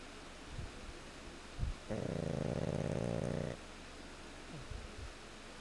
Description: Audio of my dog Goose (pug) snoring